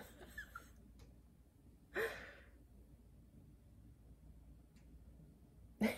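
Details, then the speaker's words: Slow, noisy snorting breaths a few seconds apart from a dog sleeping in a quiet room; snoring. "Oh boy. Oh my gosh, can you hear my dog snoring?"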